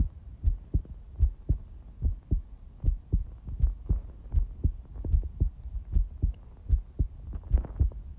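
Steady paired low thumps, lub then dub, repeating at about 76 beats a minute with a faint background hum: a regular heartbeat.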